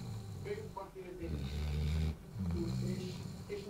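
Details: Low, rumbling snore with vibrating breath sounds and faint background talk; ordinary snoring.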